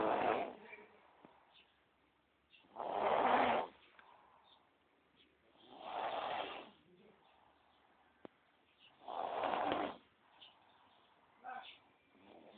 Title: rarely seen and heard snore ever